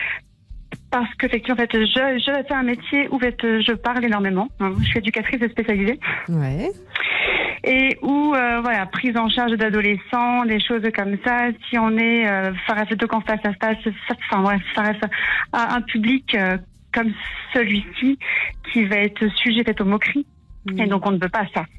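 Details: Stuttering in a 32-year-old woman, present since her first words, worsening under stress and now described as well controlled; her father also stuttered.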